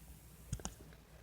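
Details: Dog hiccuping repeatedly while lying and resting with its owner.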